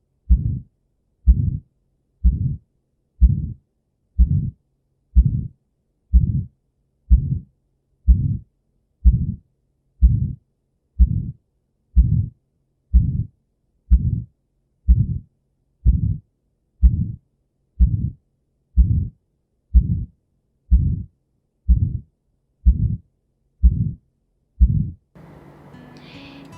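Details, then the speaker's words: Aortic area auscultation: regular heartbeat near 62 a minute with a loud, harsh crescendo-decrescendo systolic ejection murmur radiating to the neck, with decreased A2: aortic stenosis murmur. "the organic mummas usually occur in aortic stenosis with various causes it is systolic jet light loud harsh and accurate general decrescendo"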